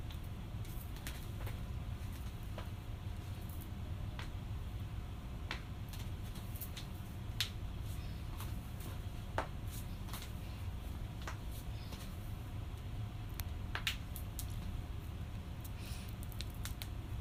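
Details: Cracking joints: scattered sharp pops and clicks over a low room rumble; joint cavitation.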